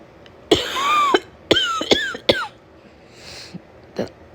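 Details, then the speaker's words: Acted cough from a woman role-playing a summer cold caught at a daycare: about four harsh, voiced coughs in quick succession with light breathing between. "And thanks to that, I have this nasty cold and even a nastier cough"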